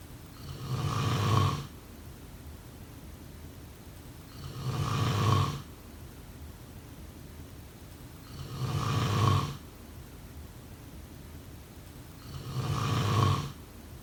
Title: #snoring #snoringasmr #sleepnoises #snoringsleepingsoundeffect #snoringsounds